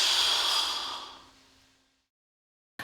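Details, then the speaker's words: A long airy breath fading over about two seconds: slow deep inhalation through the mouth on a Respimat soft mist inhaler held between the teeth with lips closed, pressing the button and continuing to inhale as long as possible. "pendant que vous inspirez lentement et profondément par la bouche déclenché le bouton et continuer à inspirer aussi longtemps que possible"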